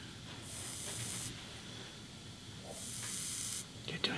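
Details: Two steady few-second hissing sprays of liquid nitrogen cryotherapy freezing a small viral wart on a young woman, with quiet room noise between.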